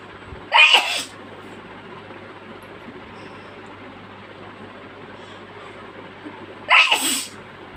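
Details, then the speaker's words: Adult mother sneezing after inhaling chicken powder, covering her face with her hands: two sharp, explosive sneezes about six seconds apart in a quiet room with a low steady hum. "i'm sure you will enjoy her sneezes cover her face with her hands so let's wait"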